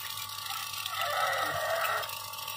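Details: Steady hiss with a faint whine: a nebulizer delivering medicated mist to a dog, tagged as a pug.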